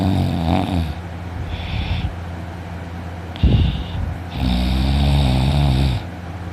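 Loud, rough, rattling snores with deep low vibration, heard over steady room hum: heavy snoring during sleep.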